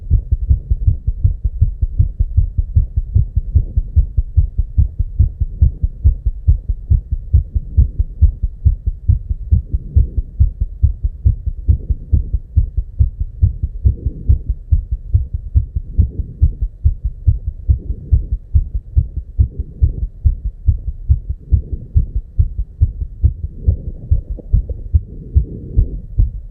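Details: Heart sounds at 290 beats per minute: a very fast, steady run of dull low thumps, far quicker than a normal resting rate: rapid heartbeat (tachycardia).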